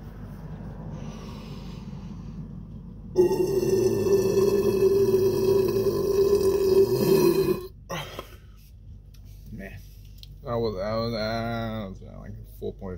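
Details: A long, sustained, low rumbling burp lasting several seconds, followed by a brief vocal sound, over room hum.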